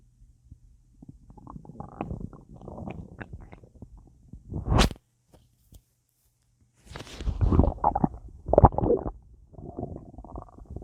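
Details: Full, bloated belly with a lot of gas after a large meal with a drink: low gurgling, bubbling rumbles in bursts with a quiet gap, bowel sounds (borborygmi).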